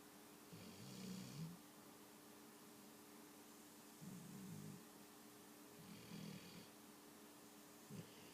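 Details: Four rumbling snores on the in-breath, about two seconds apart, over a steady hum; a sleeping pet dog, called a daughter, secretly filmed snoring loudly like a person; ordinary snoring.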